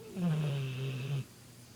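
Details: Sleeping Bullmastiff: a single deep, rumbling breath sound lasting about a second; snoring.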